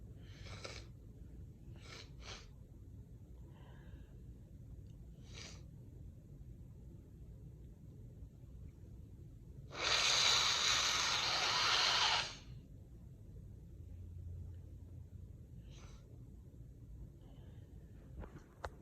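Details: Repeated short nasal sniffs and one long hissing inhaled sniff over low room hum, from a nose sensitive for the past couple of weeks; sniffling.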